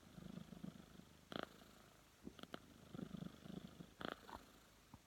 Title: Cat snoring